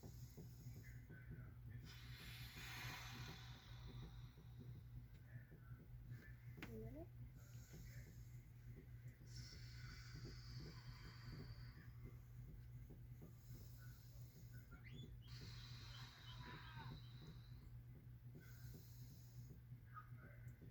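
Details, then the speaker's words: Auscultation of the lungs through a stethoscope during deep breathing, patient inhaling through the nose and exhaling through the mouth; soft, even airflow, bronchial sounds and vesicular murmurs entirely normal, no wheezes or crackles; normal breath sounds. "tanto los ruidos bronquiales y los murmullos pulmonares total y completamente normales muy bien"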